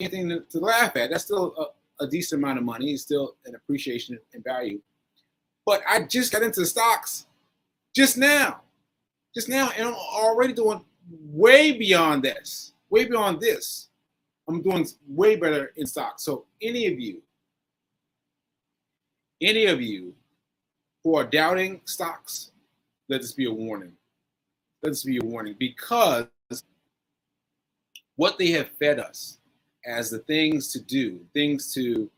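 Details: Adult man with aphasia after a stroke on 7/14/22, recorded 7/4/23 while still recovering and saying he sometimes needs extra help; aphasia.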